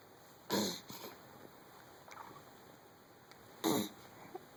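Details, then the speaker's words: Cat with inopportune hiccups, possibly while pooping: two abrupt, short, sharp jerky sounds about three seconds apart over steady room hum. "Are you pooping? And you have the hiccups?"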